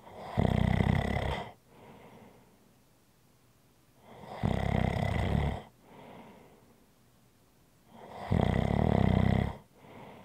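Loud, rough inward snores about every four seconds, each followed by a softer outward breath; steady snoring, roughly 15 breaths a minute.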